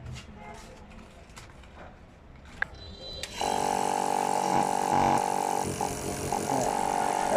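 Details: Faint handling noise, then a steady buzzing motor hum running evenly: a Life Care nebulizer compressor working normally after repair, its piston cleaned because it had not been pumping air.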